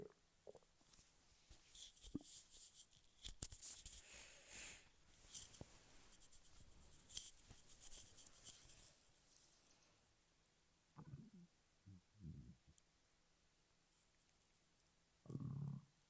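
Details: Stomach growling (borborygmi): soft gurgling and low rumbling bursts with quiet gaps between them.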